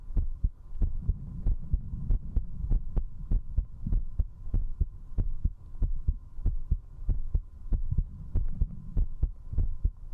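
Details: Strong, regular heartbeat at about 95 beats a minute over a faint steady hum, recorded at zero distance with a 3Dio binaural microphone while drinking alcohol; fast heartbeat after drinking alcohol.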